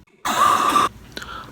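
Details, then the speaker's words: Sick for about a week and a half with persistent cough despite medicine, lying in bed: a single harsh, rough half-second dry-sounding cough, then quiet. "I'm sick. I've literally been sick for like I think like a week and a half almost, and I don't fucking know what I have. Like I just keep coughing, and I like take medicine, and I like still like fucking like keep coughing, so I just like don't even know what's wrong with me."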